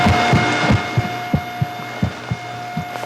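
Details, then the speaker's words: Heart sounds recorded for 7 seconds by an iPhone placed against the chest for an AI heart-analysis app demo, regular low thumps with a faint hum; app result: healthy heart. "like that of the heartbeat sound. And then you click the analyze button and then you'll get the result. in this case, healthy heart."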